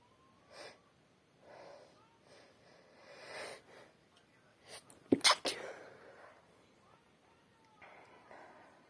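Soft sniffs and breaths, then a single loud, wet, explosive sneeze with a short trailing exhale; an ordinary sneeze.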